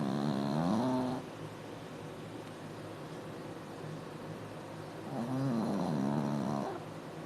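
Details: Sleeping dog snoring loudly: rough, rattling snores, with two long inhaled snores and a quiet pause between them.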